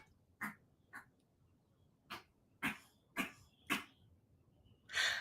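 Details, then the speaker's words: Cat's first hairball: seven short, harsh, hacking bursts, the retching cough of bringing up a hairball; she was fine afterward. "I don't know if you can hear her coughing. It's the first time she's done that."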